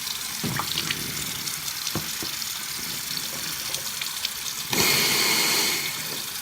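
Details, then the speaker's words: Steady splashing of water into a sink with a louder gush near the end as 8 ounces of saline rinse is gently let out through the nostrils during self-performed sinus rinsing; nasal saline rinse draining. "So I want to do 8 ounces in one nostril. Just gently let it blow out."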